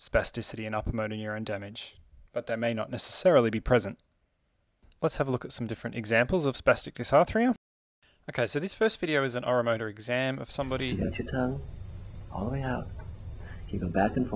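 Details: Adult male narrator, then a clinician giving exam instructions; normal speech.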